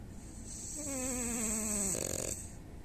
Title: Who snores the most? #snores #dog #frenchbulldog #dogsnoring #dogsnores